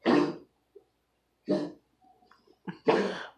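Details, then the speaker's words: Dog coughing at home from an illness the owners still cannot identify: three harsh, forceful cough bursts, each about half a second, with quiet pauses between, and background household noise. "There's always some noise in the background, whether it's my fan or my parents talking because the walls are fucking paper thin, or my dog coughing because we still can't figure out what's wrong with her."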